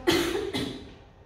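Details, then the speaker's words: Simulated choking demonstration, adult with partial (incomplete) airway obstruction from food being encouraged to cough: two forceful acted coughs, the effective cough of partial airway obstruction. "Una vez que le intentamos quitar la mascarilla, sobre todo, no dar agua. Lo que tenemos que hacer es animarla que tosa"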